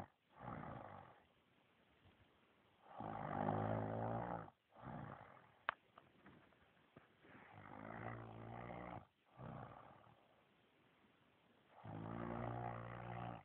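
Loud, deep, rumbling sounds with breathing, about every four to five seconds, alternating with softer sounds and pauses: snoring.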